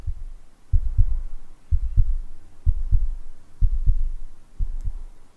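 Soft, low paired thumps at about 63 a minute, a simulated normal heartbeat played for relaxation.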